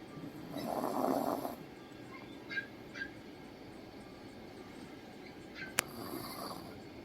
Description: My dog snoring so loud.